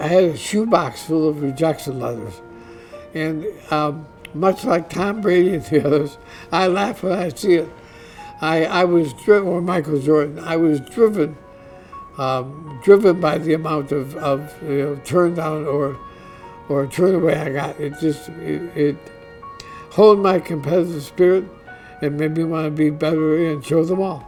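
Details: Dysarthria in an adult man diagnosed with ALS (Lou Gehrig's disease), which he says is audibly affecting his voice; he expects only a few more months of being able to work.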